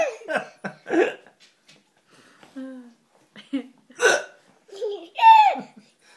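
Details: Young boy laughing at his father, with hiccups: short, sharp hiccup sounds mixed with giggling and laughter.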